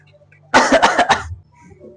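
An adult gives a quick run of about four acted coughs in a quiet room.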